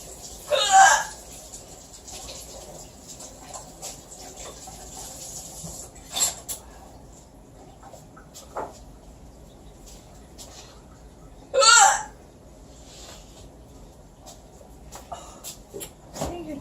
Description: My mom with loud/weird hiccups